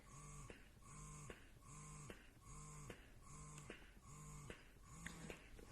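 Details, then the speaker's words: Willow Go wearable breast pump just switched on and running, cycling at about 75 quiet rhythmic pulses a minute with a soft hum and click and slowing slightly; it has stimulation and expression modes. "so turn it on this is it you'll hear it slow down a little bit"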